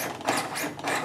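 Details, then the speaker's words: LUCAS mechanical CPR device in training demonstration, running in continuous compression mode with 2.1-inch compression depth: rhythmic mechanical whirring and clunking as it cycles steadily. "at this point you can just let it run it's in continuous mode it'll just continue to compressing completely"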